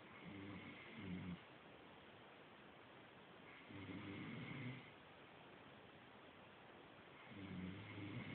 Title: Snore snore snore